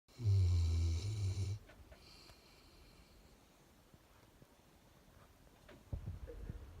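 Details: A dog worn out after a morning walk in the hills gives one deep, loud snore lasting over a second, then quiet breathing and room noise; snoring.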